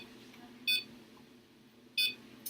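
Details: Male animal under general anesthesia, intubated, esophageal ECG/temperature probe placed near the heart: two short, high monitor beeps about 1.3 seconds apart, near 47 a minute, in time with each heartbeat; veterinary anesthesia training.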